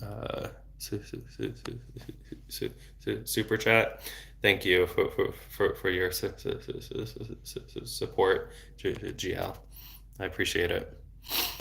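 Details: Adult male who has stuttered since age 8, with speech therapy off and on until his early 20s; severity varies in cycles and is worse in foreign languages. Word and part-word repetitions heard. Finding: stuttering.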